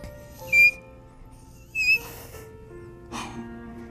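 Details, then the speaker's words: 13-year-old boy with Tourette syndrome imitating a former vocal tic: two brief, very high-pitched mouse-like squeaks over soft background music. "i used to have a tick where i had to do a very really high squeaking noise like a mouse i used to go"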